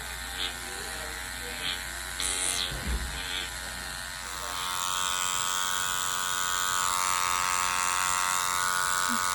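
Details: Microneedling pen used on numbed facial skin during a microneedling with PRP treatment (vampire facial); the patient reports no pain. Steady high electric buzz in a small room, with a few clicks and handling noises.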